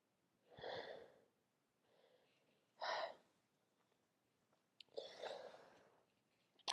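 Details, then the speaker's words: Girl sneezing all day, attributing it to allergies but with sore throat and later suspecting illness: three sneezes in a row with soft breaths between, sounding acted rather than real. "I don't I'm not I mean I'm sneezing a lot. That's true. But it's just my allergies."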